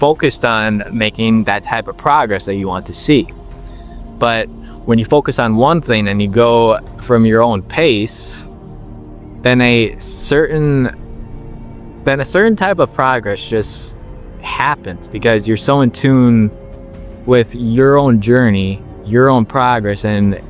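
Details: 21-year-old man with a stutter since he could talk, working to overcome it by slowing down; word repetitions audible; stuttering.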